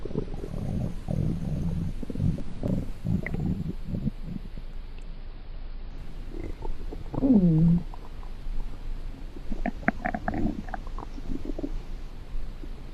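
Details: Watery stomach growl (borborygmi): gurgling, watery rumbles and a short squeaky growl from the belly.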